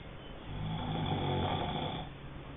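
A single long, low rumbling snore on the in-breath, rising and fading over about two seconds; ordinary snoring during sleep.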